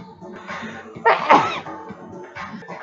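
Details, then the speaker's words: Person who has been sick and stuffy deliberately inducing sneezes by sticking something up the nose: a single loud sneeze through nose and mouth after a brief breath. "I literally just sneezed five times within a period of like four four or five seconds"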